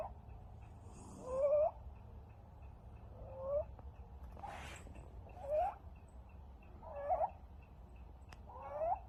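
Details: 5-week-old rescued stray kitten after an upper respiratory infection, wheezing on every breath: inspiratory stridor.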